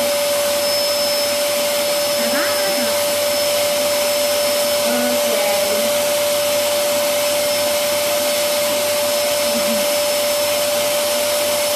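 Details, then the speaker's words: Vacuum cleaner running with steady loud roar and constant whine, powering a Benny nasal aspirator attached by tube to clear a small child's nose; faint voices in background. "quadro da un po ma semplicemente attaccato il tubo così e con un movimento accendiamo l'aspirapolvere facciamo vedere aspiriamo questo casino vai"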